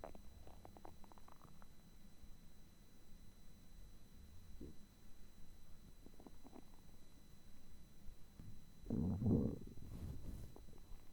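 Low gurgling and rumbling stomach sounds with small bubbly pops, rising to a louder growl near the end; ordinary hunger rumbling.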